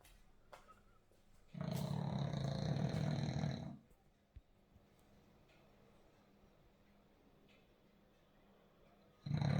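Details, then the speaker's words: A sleeping dog's snoring: a loud, low rumbling snore, with a second snore starting at the end. "you can probably hear our dog snoring so that's the thing making the noise here we"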